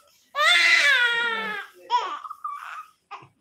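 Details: 3-month-old baby girl having her ears pierced, crying in pain: a loud, high-pitched, strained wail held over a second, then shorter broken cries.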